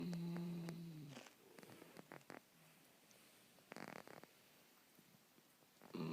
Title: Snoring puppy